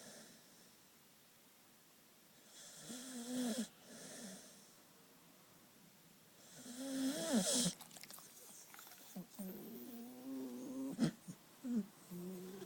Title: Best Relaxed snoring Puppy Dog video